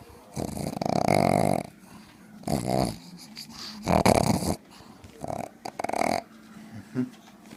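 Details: Max, a pug, sleeping: loud rattling snorts in irregular bursts with quieter gaps between; heavy snoring.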